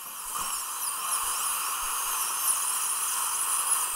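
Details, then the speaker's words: Dental surgical drill cutting through a horizontally impacted lower wisdom tooth (#38) during live extraction surgery, deliberately cutting deep while sparing the lingual side: steady high-pitched whine with hiss. "이렇게 많이 안 자르거나 근데 일부러 지금 많이 잘라봤어요 이렇게 보면 링 쪽이 좀 안 잘린 거 보이시죠"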